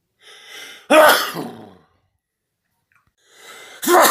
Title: World Loudest Sneezes